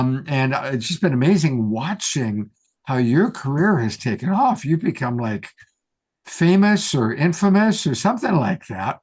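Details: Adult speaker; normal speech.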